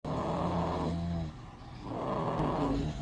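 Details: Sleeping baby boy: two long, coarse, rumbling snores on inspiration separated by a quieter expiration. Snoring.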